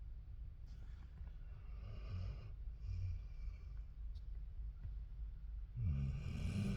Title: snoring in the car he was alot louder once I started recording he got quiter